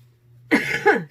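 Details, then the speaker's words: Single short, harsh cough over a low background hum from a retired adult who says her asthma is flaring with wheezing and coughing; no wheeze is clearly heard. "Sorry, you guys. My asthma is a little bad, so I got some wheezing going on and a little coughing. But nothing I can do about it. Hopefully you can't hear all of it."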